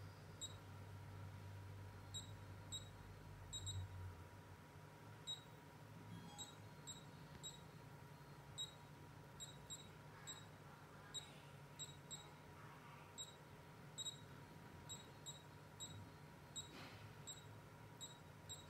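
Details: Lipo laser body-contouring machine operating: quiet room hum with repeated short, high electronic beeps at irregular intervals.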